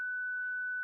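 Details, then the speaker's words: Zoll Zenix defibrillator/monitor charged to 2 joules during an internal paddles test: a steady, pure high-pitched ready tone while the paddles are held in open air, away from anyone, with faint background sounds. "Wait for the ready tone. During the ready tone, hold both internal handles and paddles out and away from any person or object."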